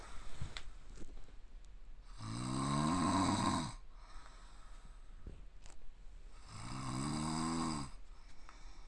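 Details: Adult man, self-described "tanuki dad," in deep sleep who does not wake even when hit or eyelids forced open: two long, loud, vibrating snores, about 14 breaths a minute, groaning, almost squealing tone, in a quiet room; snoring.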